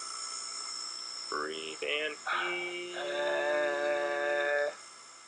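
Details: Voice two years after type 1 thyroplasty, with an implant repositioning the paralyzed vocal cord, showing marked improvement in quality and strength: improved voice after thyroplasty for vocal fold paralysis.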